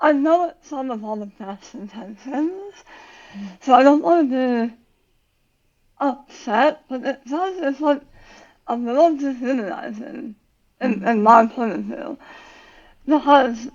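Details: Adult woman about 9 years after tongue cancer surgery with leg-flap tongue reconstruction and radiation; relearned to talk, speech worse when tired, some words she cannot say; articulation disorder after glossectomy.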